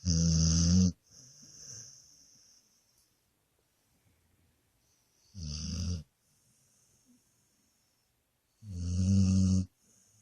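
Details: Flash, sleeping comfortably on the bed: three deep, vibrating snores at long intervals with soft breathing between; loud snoring during sleep.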